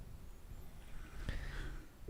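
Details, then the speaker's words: Snoring: a single low, rumbling snort-like breath out of quiet room noise, likened to a lion. "who's that snoring yes it sounds like a lion"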